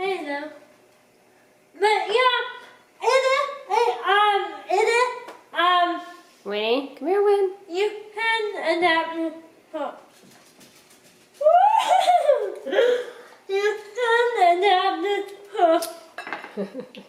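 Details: Adult speaker; dysarthria (cerebral palsy).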